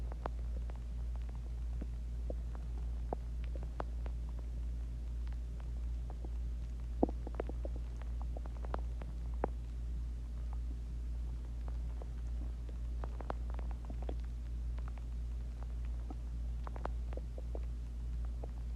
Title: My Stomach Growling After Eating Chinese Food and Drinked Water